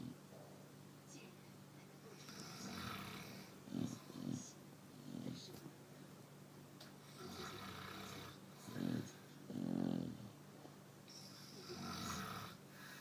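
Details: Chow Chow dog snoring in sleep: irregular snorting, rumbling breaths in a quiet room with several louder snores.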